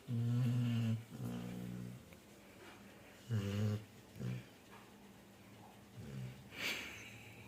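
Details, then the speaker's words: Female Labrador sleeping after a full meal: low, rough, rumbling snores in a slow, uneven rhythm, about 20 a minute, with quieter breaths between them. Dog snoring. "ये देखिए फ्रेंड्स, मेरी डॉली कैसे खराटे मार रही है। पूरा खा पी के पूरा खराटे मार रही है।"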